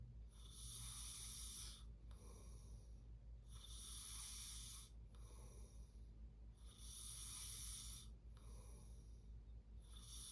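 Regular rasping snores on each breath, about five breath cycles, with a steady hum of background noise.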